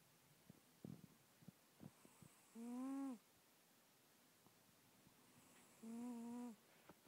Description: Bubbles deep in slumber oblivious to the iPhone in her face recording her ridiculous snores! You probably need earphones to hear the snores - iPhone mic is rubbish - she was very loud!!